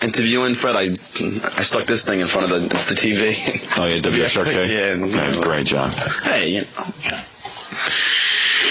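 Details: Adult man who has stuttered since second grade, asking interview questions; stuttering.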